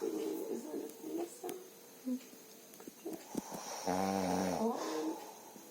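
Rough, buzzing snore on breathing in, with steady room hiss in the background: snoring.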